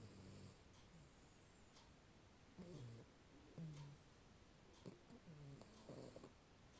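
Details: Sleeping Maine Coon cat, recorded on a Xiaomi Mi 10 Pro 5G phone, with soft, low, rattly breaths recurring about every second: gentle snoring.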